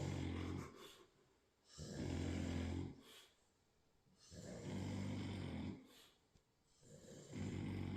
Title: SNORING COMP 🤣 Nap before round 2 🍻